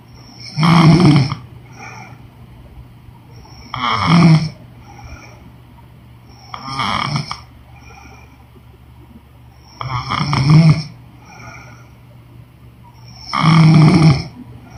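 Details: Woman snoring in sleep: five loud, rattling snores at a slow, fairly even pace, about 18 a minute, over a low hum.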